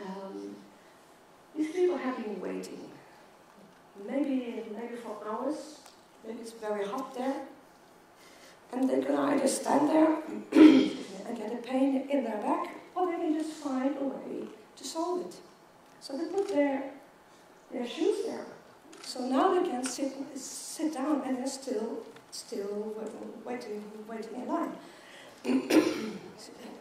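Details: Adult woman with a stutter since age 9, with blocks; she is a keynote speaker at a world congress for people who stutter. The finding is real stuttering.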